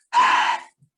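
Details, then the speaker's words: Imitation of bronchial (blowing) breath, "soplo bronquial", a single hollow breathy blowing sound, taught as the sign of incomplete lung consolidation, likened to an empty room or blowing into a cup held to the mouth. "como si estuviésemos escuchando un cuarto vacío como si usted se pusiese en una taza frente a su boca y empiezan a soplar ese es el sonido que escuchamos en una respiración soplar"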